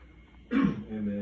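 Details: A single brief, rough throat clear running into a short voiced sound, with room hum behind it.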